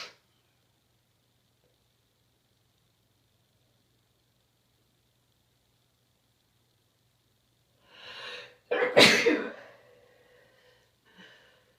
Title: chhinkni cold sneezes, continued